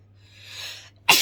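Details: Woman at bedtime deliberately inducing sneezes with pepper to clear her sinuses: a soft breathy intake, then a sudden sharp sneeze burst at the end.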